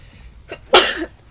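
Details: Female gamer who said she was about to sneeze at a bad moment: a brief indrawn breath, then one sharp, explosive burst of air; a single sneeze.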